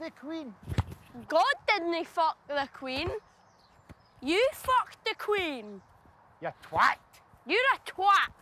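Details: 12-year-old boy with Tourette syndrome diagnosed in 2014, tics intensified after starting secondary school; shouted insults and odd phrases; vocal tics with coprolalia (Tourette syndrome).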